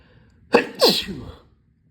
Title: loud wet sneezes